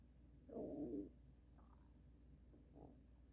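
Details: Extreme stomach noises: a short, low gurgling rumble followed by a couple of fainter gurgles; stomach growling, ordinary bowel sounds (borborygmi).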